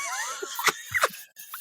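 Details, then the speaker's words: Loud stomach growling (borborygmi) from an adult podcast host who was hungry before her usual 12:30 lunch, having skipped breakfast; the microphone picked it up and a co-host mistook it for a passing car or motorcycle. "I'm usually not hungry at this time because I don't eat in the morning, right? And I don't eat lunch till like 12:30, but my stomach is saying something different."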